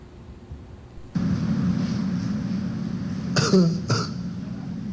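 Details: Patient with chronic ulcerative laryngitis and months of hoarseness persisting despite steroid treatment, treated empirically with antibiotics and antifungals; isolated laryngeal TB or coccidioidomycosis considered possible causes; hoarse voice.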